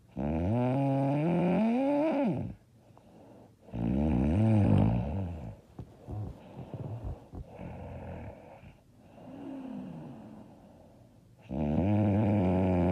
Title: I SNORE SO LOUD AND HARD